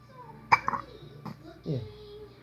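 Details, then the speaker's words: Five-month-old baby boy gives a few short, abrupt voiced catches, two or three in quick succession, over faint room noise: infant hiccups. "What in the world kind of hiccup is that? Hi. Aw. Poor sweetie."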